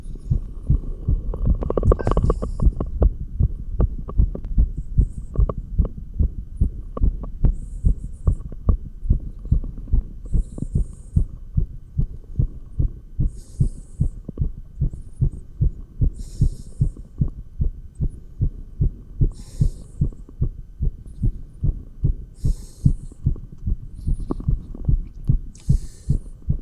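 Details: Real heartbeat via stethoscope while exercising with 20 lb dumbbells: fast, steady beat about 145 per minute with scraping movement noise; rapid heartbeat during exercise.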